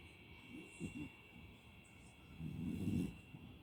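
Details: A sleeping Beagle puppy snoring: soft, low snuffling breaths with a louder rattling snore near the end, over a steady background hum.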